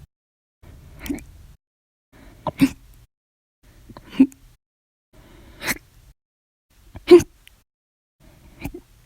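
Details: Hiccups: six abrupt, short catches of breath with a faint vocal click, roughly every 1.5 seconds, in a bout lasting 10 hours 51 minutes after meals and two cups of soda.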